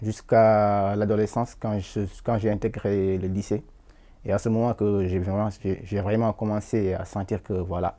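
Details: Adult man from Senegal who has stammered as part of who he is, not from stress, with uncontrollable blocks, tense jaw and forcing effort; stuttering.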